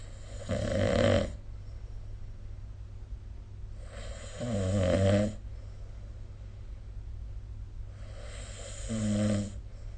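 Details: Sleep snoring recorded with the SnoreLab app: loud vibrating snores, three in ten seconds, about 18 breaths a minute, separated by quiet exhalations; typical snoring.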